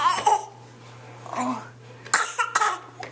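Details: An infant, asked to do a bad cough, gives a few short, forced, fake cough sounds mixed with giggling; a playful voluntary cough.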